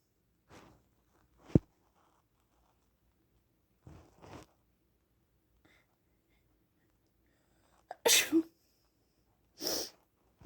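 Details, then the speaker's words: Several short, sharp, explosive sneezes with quiet gaps between them, the loudest near the end; the person says they feel sneezy in spring and that the sneezes are wet; repeated sneezing. "Gosh, I'm just feeling really sneezy. And there's spring, so this is perfect. Achoo."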